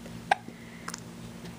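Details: Hiccups in a 9-week-old baby boy, smiley and wiggly after his bath: two brief, sharp catching sounds about half a second apart in a quiet room.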